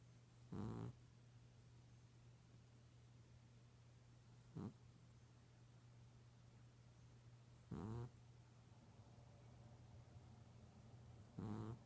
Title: My cat snoring